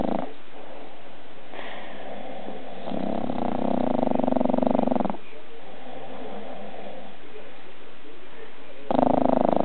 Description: This our 1 year old bulldog Daisy sleeping on me, and she snores just like a human. She even snores louder than my step-dad!